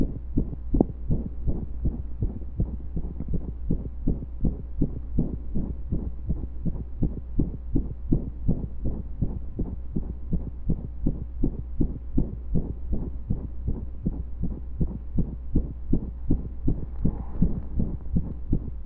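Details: Heartbeat recorded during pressure and breath holds: steady, loud, mostly regular beats over a low hum, with a few brief irregular pauses that sound like skipped beats.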